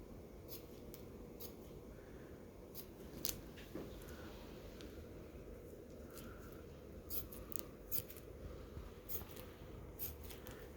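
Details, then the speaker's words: Scattered sharp snipping clicks of scissors trimming back fiberglass on a Muenster arm cast, padding used as guide, in a quiet room during a casting demonstration. "we'll pull the padding up excuse me not the padding the fiberglass and we'll trim back and we'll use the padding that we left attached as our guide"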